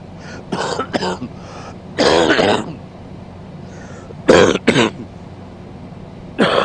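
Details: Man coughing during sleep: several harsh coughs and throat-clearing bursts in clusters over a steady background hum.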